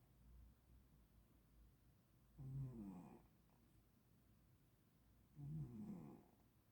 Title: cat snoring.